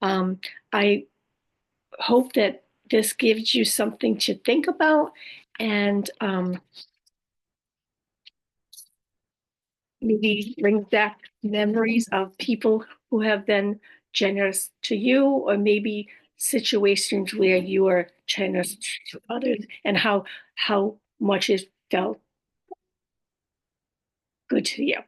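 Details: Adult woman after a stroke with aphasia, apraxia of speech and dysarthria; she says her speech can sometimes be hard to understand.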